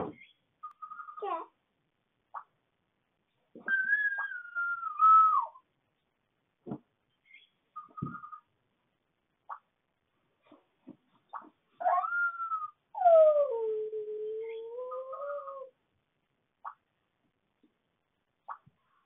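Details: Two-year-old girl, one of twins, at about 2:52 AM: high, drawn-out wavering howls like a coyote and short squeaks in a quiet room while asleep; sleep vocalization (howling).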